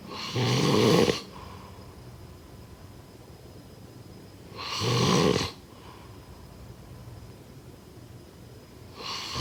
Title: #snoring #snoringsleepingsoundeffect #snoringsounds #snoringasmr